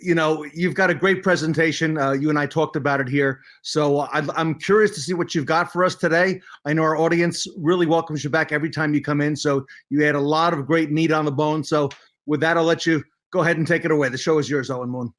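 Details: Adult male speaker; normal speech.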